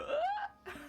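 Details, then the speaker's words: Single brief cough with a high, squeaky, whistling start, then a short breathy burst, from an adult with chest trouble who reports wheezing on breathing; cough with wheezy squeak. "I can hear them wheezing. I'm just breathing and they're like..."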